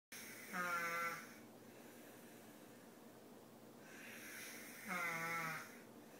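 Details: Snoring from an adult man that woke the recorder up; snoring.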